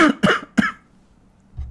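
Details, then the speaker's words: Adult man with a cold and a hoarse voice gives three quick, loose coughs in a row, then quiet; cough. "désolé pour ma voix cassée je suis je suis enrumé je suis enrumé je tousse mais vraiment fallait que je la fasse aujourd'hui"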